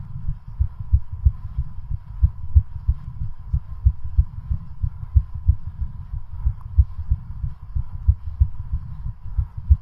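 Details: Heartbeat during a stress test on a home exercise bicycle, pushed until exhaustion: fast, regular low heart thumps, exercise-induced tachycardia as a normal response to exertion.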